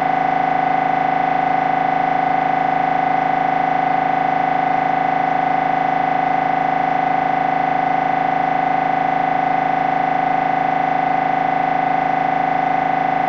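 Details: MRI scanner running a brain scan sequence: loud, steady, rapidly repeating electronic buzzing tone at about 158 pulses a minute; MRI scanner noise.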